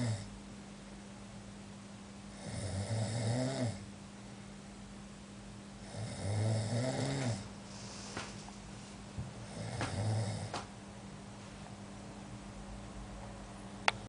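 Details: Coka snoring: three low, rumbling snores on breathing in, about 17 a minute, over a steady room hum.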